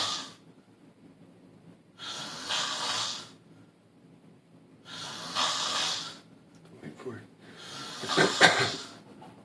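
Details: Person snoring heavily, recorded on a phone: loud, harsh rasping breaths in long bursts with quiet gaps, about three in ten seconds.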